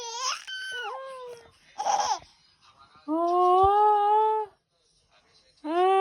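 An infant gives brief whining cries and a sneeze-like burst, with babbling sounds in a quiet room.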